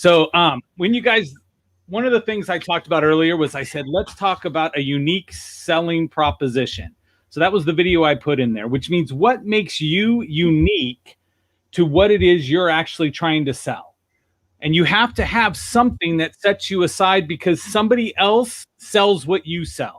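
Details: Adult man speaking; no speech disorder.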